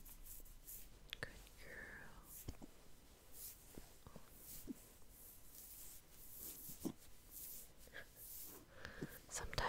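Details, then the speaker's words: Hiccups in a young female golden retriever puppy during a grooming and petting session; they come on randomly and usually stop on their own in under a minute. "puppies get the hiccups very randomly, but usually it'll just go away on its own after, in less than like a minute."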